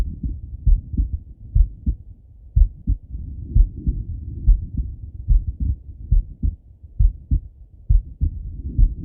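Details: Male lying on his left side, heart heard through a stethoscope: regular low thumping at about 68 beats per minute with some body and contact noise; normal heart sounds.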